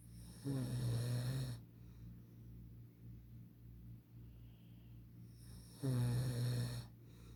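Two loud, low, vibrating snores about five seconds apart with quiet breathing between; ordinary heavy snoring over a steady room hum.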